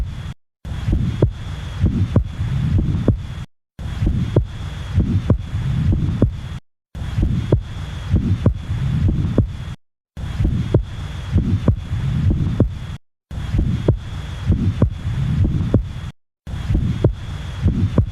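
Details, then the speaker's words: Regular heartbeat through a stethoscope, with a brief soft murmur right after the first heart sound that fades before the second: an early systolic murmur. "This is the Early Systolic Murmur"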